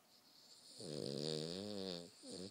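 A single long, buzzing inhaled snore with a vibrating tone, followed by the start of another; ordinary snoring.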